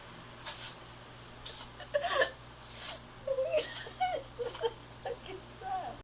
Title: Kitten sneezing attack